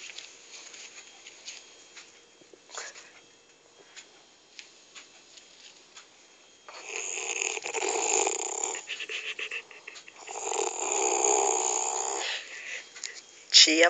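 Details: Adult woman (the recorder's mother) snoring in sleep: quiet room noise, then two long, harsh, raspy snores a few seconds apart.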